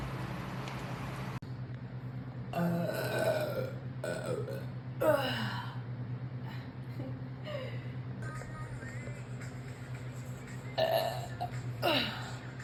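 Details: Young woman deliberately burping: several loud, drawn-out voiced belches over a steady background hum and faint music; burping.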